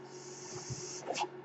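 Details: Podcast host's own mechanical ventilator: a steady high airy hiss lasts about a second, breaks, then a short puff follows over a faint hum, ventilator cycling.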